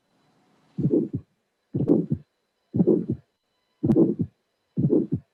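Five regular heartbeats at about 62 a minute. A crisp click just after the first heart sound leads into a harsh murmur filling systole before the second sound. This is an ejection click with a systolic ejection murmur, typical of a stenotic bicuspid aortic valve.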